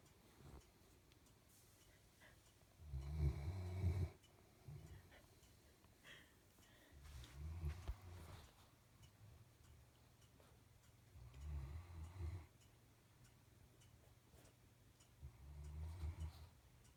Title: Velika's new bed and snoring 12/23/15